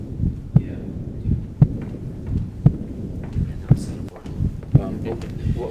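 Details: Heart sounds recorded through a stethoscope fitted with a lavalier mic, simultaneous with echocardiography; regular heartbeat around 57 a minute with soft sounds between beats, brief voice at end; aortic insufficiency murmur.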